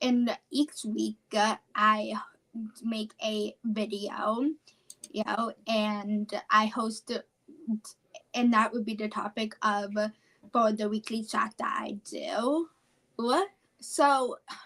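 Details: Apraxia of speech, a neurological speech disorder, in a 17-year-old female high school senior.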